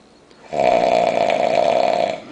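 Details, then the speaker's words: Very drunk man asleep on New Year's, not waking despite loud talking nearby: one loud, steady, rattling buzz on a breath lasting under two seconds; heavy snoring. "like [ __ ] 3,000 RPMs holy [ __ ] I'm supposed to sleep with this [ __ ]"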